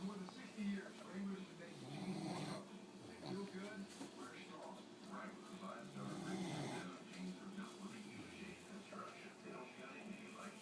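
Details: Snoring while snoozing on a back porch: soft, rough, low snores with breath sounds recurring through the clip, in a noisy setting.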